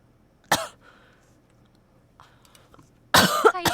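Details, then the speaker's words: Single cough, then a short burst of rough, throaty coughs after a quiet pause, from a streamer with a cold since Sunday, swollen throat, persistent cough and severe headache that began during group lodging. "합숙하고 나서 그날 밤부터 목이 붙고 계속 기침하고 두통이 안 내려가 가지고"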